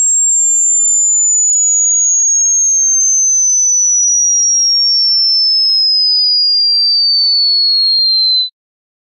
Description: Which frequency can you hear